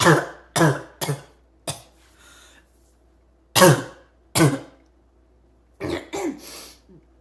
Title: Choking barking cough